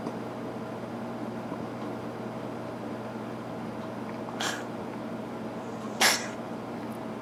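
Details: Male cat with daily coughing episodes lasting 20–30 minutes, never producing hairballs; owner suspects possible feline asthma. Two brief, sharp, airy bursts against steady room hum, consistent with small coughs.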